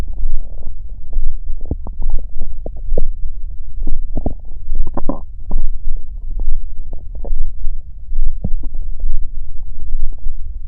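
Deep, continuous rumbling with throbbing surges and gurgles: ordinary stomach growling.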